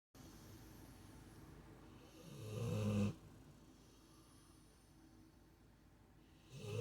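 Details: Sleeping female dog, Remy: one loud, low, rumbling snore on an in-breath, then quiet before the next snore begins; loud dog snoring.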